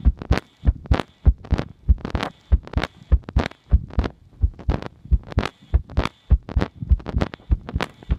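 Repeated low thumping heartbeats, roughly 100 a minute, with a faint steady hum behind them.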